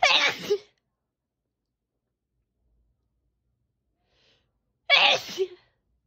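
Two loud sneezes, each a sharp burst with a brief trailing sound, dampened as if sneezed into cloth, with silence between.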